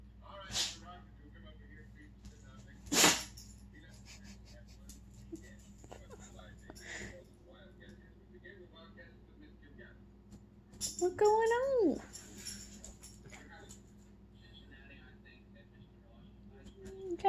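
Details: Several short, sharp sneezes a few seconds apart, with a brief whine and household noise: repeated sneezing.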